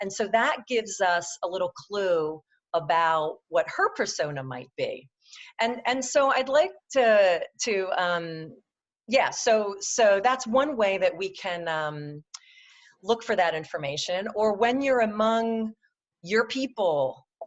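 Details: Adult woman who stutters, presenting in a webinar; her stutter comes and goes, with good and bad speech days; stuttering.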